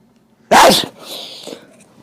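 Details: A loud, sudden, explosive sneeze with a short breathy tail, deliberately exaggerated as a prank to startle shoppers in a Target store.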